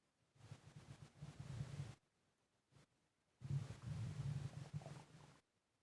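Low, irregular rumbling gurgles in two long stretches alongside heavy breathing: bowel sounds from gas and fluid moving.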